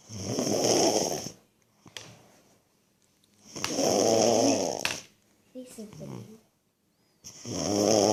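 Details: Sleeping baby snoring: loud rattling snores with each breath, about 17 per minute, separated by quiet pauses.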